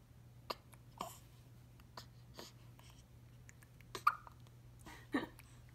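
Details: 1-week-old newborn: soft, brief hiccups repeating roughly once a second, with faint breathing and a low room hum; hiccups.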